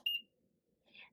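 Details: A single short high-pitched electronic beep, then a faint soft tone, from a PCA infusion pump as the start button is pressed to begin delivering the loading dose.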